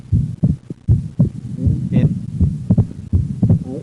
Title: Split 2nd Heart sound with Rt Bundle Branch Block